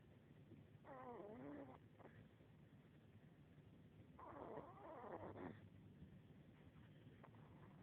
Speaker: She's snoring. I'm going to put the phone right next to her so you can hear.